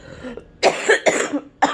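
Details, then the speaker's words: Older adult coughing and congested after going into a freezer at work, which she thinks irritated her lungs: cough. "And oh my gosh, I didn't feel it while I was at work, but by the end of my shift, I was coughing, and I started to wheeze, and I'm still kind of congested, as you can hear."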